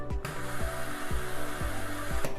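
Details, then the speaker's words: Hamilton T1 transport ventilator running its pre-use leak (tightness) test, patient and flow sensor disconnected, circuit occluded with a glove or sterile technique, display showing "maneuver in progress": steady mechanical hum with soft pulses about every half second. "puedo hacerlo con un guante o con una técnica estéril la prueba es tranquila y uno observa como el ventilador dice maniobra en proceso"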